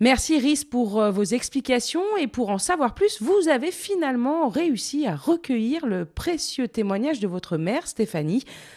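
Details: Young student radio host, single speaker; Typical speech.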